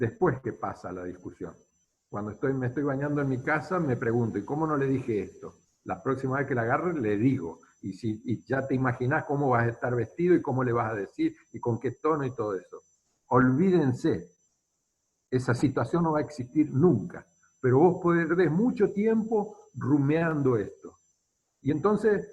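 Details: Adult man speaking Spanish; Normal conversational speech.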